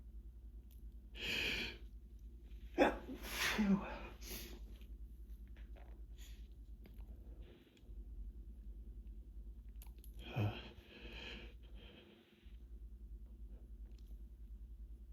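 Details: Bout of several big, forceful, wet sneezes with quiet breathing between them over a low room hum, during a prolonged hay fever sneezing fit, a hand towel in use.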